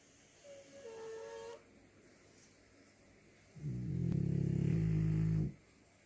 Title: My pups snoring their heart out 😅💞